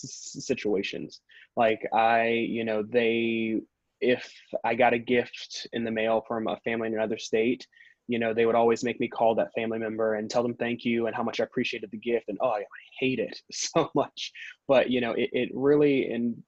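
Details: Stuttering in an adult man, the only person in his family who stutters, who describes himself as a former covert stutterer who avoided words and blocked.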